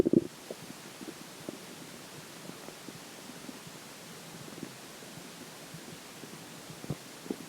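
Soft, scattered gurgles and watery bubbling against a faint hiss: ordinary stomach and bowel gurgling.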